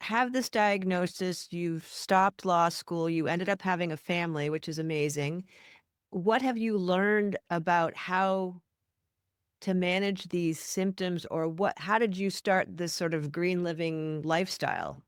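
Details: Adult speaker; ordinary speech.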